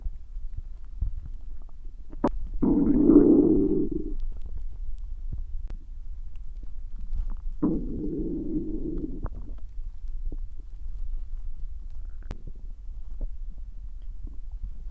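Two prolonged low gurgling growls, each about one and a half seconds, with soft clicks between; ordinary stomach growling.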